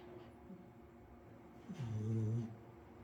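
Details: Puppy sleeping leaning on an arm: quiet breathing, then a low droning snore on one breath.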